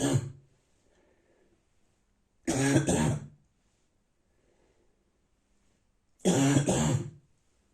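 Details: Three separate harsh, dry cough bursts with quiet pauses between them, in the morning, from an adult man with a severe cold who says everything inside hurts: dry barking cough.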